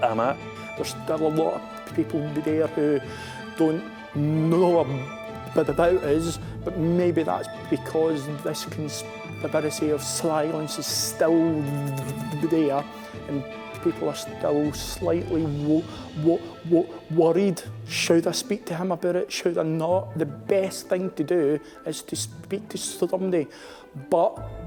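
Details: Adult male Armed Forces serviceman who stammers; word and phrase repetitions are heard; stammering.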